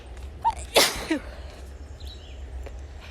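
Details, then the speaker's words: Woman outdoors on a morning walk with a bad allergy flare after over a year without symptoms: a sharp inhaled catch, then one loud explosive sneeze with faint aftersound; allergic sneezing. "I thought that I was over it um which I guess isn't a thing but I have now been sneezing pretty much pretty much just the tire walk uh and I need help"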